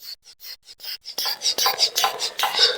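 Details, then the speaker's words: Vital signs demonstration with a mercury sphygmomanometer: knob closed, then hand bulb pumped with quick repeated hissing puffs growing louder as the cuff inflates and the mercury rises. "so let's see what happens let's close the knob here the knob has been turned on meaning it's blocked then let's pump"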